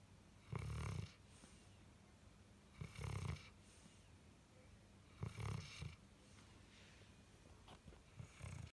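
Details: 4-year-old dog with liver degenerative disease, asleep: regular low, rumbling snores, about 25 a minute, over quiet room noise.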